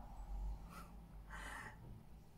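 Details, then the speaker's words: Snoring from an old sleeping pet, reportedly worse in old age: two noisy, snorting breaths over faint room hum. "apologies if you can hear poppy snoring she's uh"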